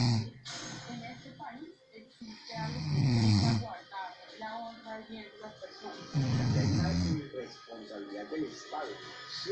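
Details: Loud snoring from a man sleeping through the night, compared to a locomotive.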